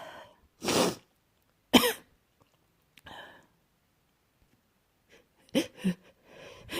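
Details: Person sick with a cold and sneezing: several short, sharp coughs and throat-clearing bursts separated by silence; a dry, tickly cough.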